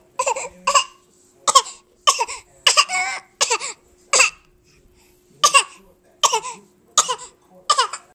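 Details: A 5-month-old infant gives a string of short, breathy, high-pitched cough-like bursts, a playful deliberate fake cough.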